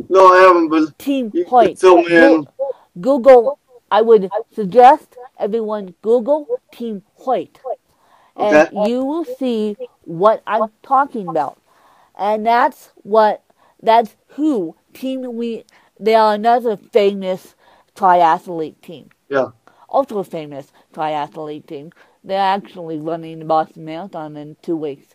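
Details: Adult woman with cerebral palsy who uses a walker; she describes her speech impediment as milder than her co-host's; mild dysarthria.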